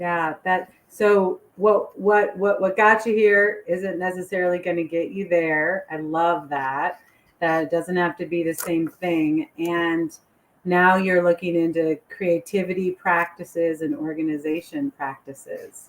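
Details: Adult woman speaking; unaffected speaker.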